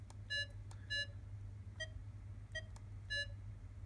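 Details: Short electronic beeps, one per pulse, from a Masimo Rad-5 pulse oximeter, in a veterinary anaesthesia equipment review, changing in pitch and loudness as the beep volume is adjusted; faint hum behind.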